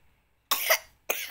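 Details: Two short, harsh coughs in quick succession after silence, the first longer with a rough, breathy quality; a twin child coughing since last night, sleepless and vomiting, just after her sibling came home from hospital.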